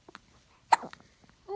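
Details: Infant girl: one short, sudden catch with a brief tail, then faint small sounds; a single hiccup.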